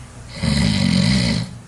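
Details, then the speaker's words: Man snoring during sleep, shown as an example of snoring in sleep apnea: a loud, low, rattling snore lasting about a second, then a brief quiet gap before the next breath. "this is a video where we're actually watching someone snoring during sleep and I want you to stop breathing when he stops breathing can you turn up the volume so we can hear these snoring please"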